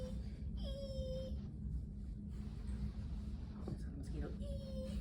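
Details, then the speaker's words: Two sustained musical whistles imitated by mouth in a respiratory therapy competency demonstration, representing the expiratory wheeze expected with diminished breath sounds in a patient with a COPD exacerbation. "the other thing you might hear with them is wheezing okay um which is kind of like that"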